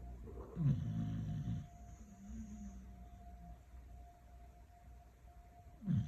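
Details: Loud, low, rattling snores from sleeping beagles, about five seconds apart, with a soft whistling note between breaths; ordinary snoring during sleep.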